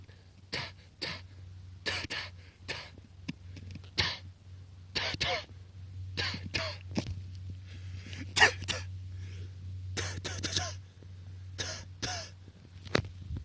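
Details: Scared hedgehog sneezing: rapid run of many short, sharp snuffling huffs and sneezes over a steady low hum.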